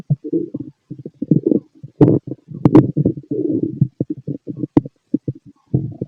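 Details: Fit male, stomach heard through a stethoscope: frequent gurgling, bubbling rumbles in quick irregular bursts; active stomach growling, normal bowel sounds.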